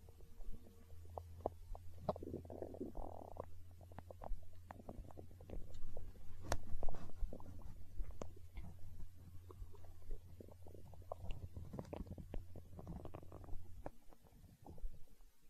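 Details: Hunger stomach growling: low rumbling and bubbly gurgles with scattered pops over a steady low hum; borborygmi.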